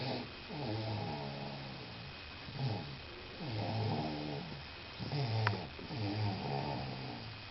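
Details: Sleeper snoring: low, rattling snores, about 22 breaths a minute, with quiet pauses between; ordinary snoring.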